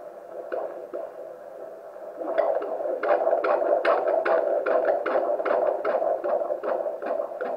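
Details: Fetal Doppler at 25-week antenatal check: slow whooshing maternal heartbeat detected first, then the rapid baby girl's fetal heartbeat near 150 per minute over a steady hum.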